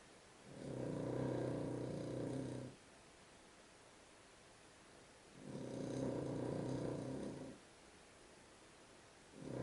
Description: My dog snores loader than any person so i had to prove it!